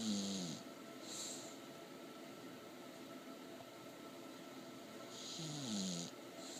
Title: Pebbles the English Bulldog asleep dreaming & snoring